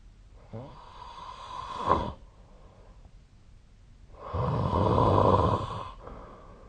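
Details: Snoring during sleep: two loud, rough snoring breaths with a rattling buzz, separated by a quiet pause.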